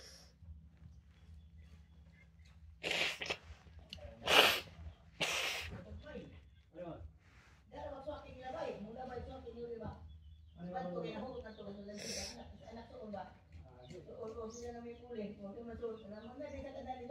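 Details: Three sharp sneezes in quick succession, then a fourth later, with sniffing and nearby talk, recorded in the Philippines.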